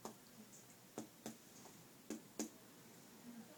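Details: Abdominal percussion on a female patient during an assessment. Four short, flat finger taps in pairs with little ring, in a quiet room. The lower quadrant is tympanic and the central area slightly dull: percussion dullness over the liver.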